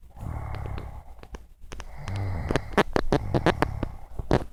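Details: Adult woman snoring, recorded by her husband: a loud, rattling snore with a low vibrating tone, mixed with clicks and snorts.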